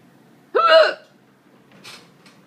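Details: A single abrupt voiced hiccup with a sharp onset in a quiet room, followed by a faint breath, while the person's cats seem unconcerned; a hiccup.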